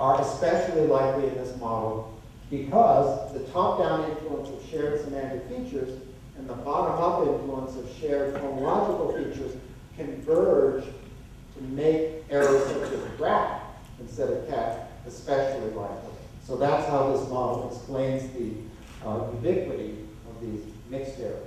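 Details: Adult male lecturer; typical speech.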